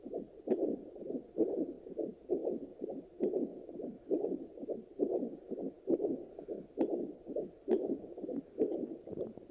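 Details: Handheld fetal Doppler check after delivery: steady rhythmic whooshing pulses at about 67 per minute with faint hiss between beats, a normal adult heartbeat.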